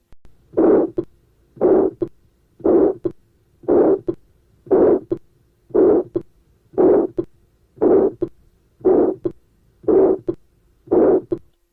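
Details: Harsh, rough mid-pitched ejection systolic murmur with each beat, about 58 a minute, best heard at the aortic area and conducted to the carotids: aortic stenosis.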